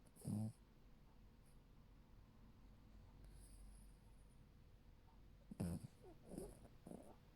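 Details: A sleeping dog snoring: one loud, low, rumbling snort, then a cluster of shorter snorts a few seconds later over quiet room hiss.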